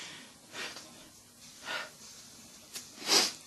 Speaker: So I've been trying for the longest time to get a sneeze. It won't come out.